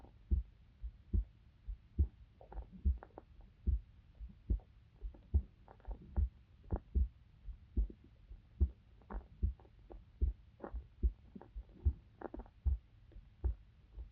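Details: Heart sounds of a young female university student recorded for a sleep-aid ASMR: steady, soft thumping heartbeat, about 73 beats a minute, with a faint hum behind it; normal heart sounds.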